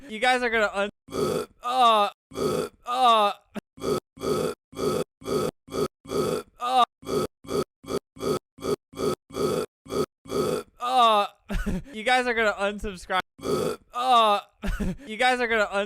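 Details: A long run of rapid, deep, voiced belches, about twenty or more in quick succession: repeated burping.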